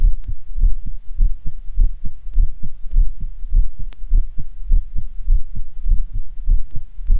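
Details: Stereo stethoscope recording, one head at mitral area (right channel), one at Erb's point (left channel): clear regular paired low heartbeat thumps, about 50 a minute, with a few faint clicks; normal heart sounds.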